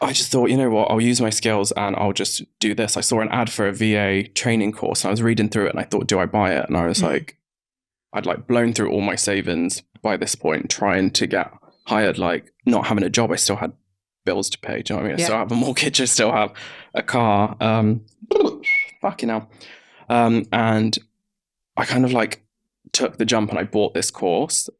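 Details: Tourette syndrome vocal tics in an adult man, about 32, whose Tourette's was acquired in his mid-20s after a brain injury; tics include involuntary swearing and whistling, and a stammer occasionally returns.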